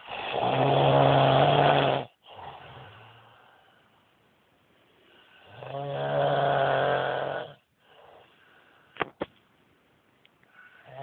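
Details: A husband snoring badly: two long, loud, rumbling snores on the in-breath about five seconds apart, each followed by a quiet breath out; heavy snoring.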